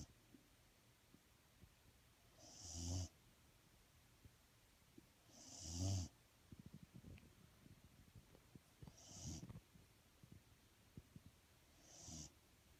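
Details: Four slow, soft, rumbling snores with a slight whistle, about 20 a minute, with faint clicks between; snoring.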